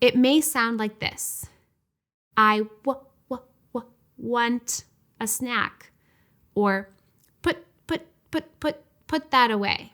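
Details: Acted demonstration of stuttering repetitions by a speech-language pathologist, with the first sound or syllable of a word repeated several times more than needed; stuttering repetitions.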